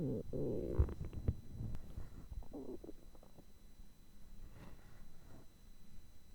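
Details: Low gurgling, rumbling and bubbling hunger growls from the belly, fading over a few seconds; ordinary stomach growling (borborygmi), recorded for listening with earphones.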